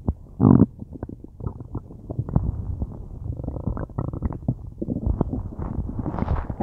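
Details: Person with a tummy ache: loud, low, continuous gurgling and rumbling with bubbling pops; very loud bowel sounds (borborygmi).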